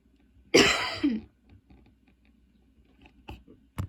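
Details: Persistent coughing fit: one harsh cough burst with a short follow-on, then faint quiet sounds; the person says the cough is severe despite current medication and plans to ask the doctor for a different one.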